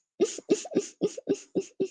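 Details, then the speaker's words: Person with Tourette syndrome describing tic attacks that surge in frequency, intensity and force when not properly medicated; a rapid run of about seven evenly spaced cough-like bursts, repetitive vocal tics. "Sí, sí, sí, es como que explotas, es como los tics em, aumentan muchísimo en frecuencia, en intensidad, en fuerza, en entonces no puedes, no puedes parar, no puedes funcionar, necesitas medicación"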